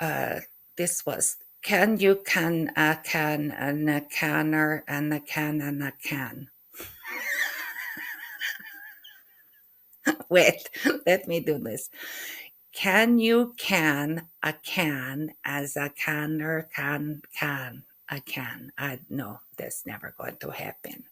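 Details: Adult woman with aphasia and functional neurological disorder (FND), attempting a tongue twister; finding: aphasia.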